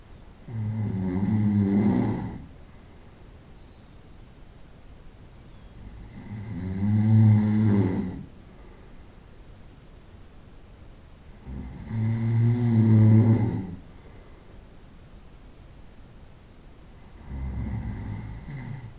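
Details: Night-time snoring from a 25-minute recording, with loud, rhythmic, rattling snores on each in-breath, about 11 a minute, and quiet gaps between; snoring.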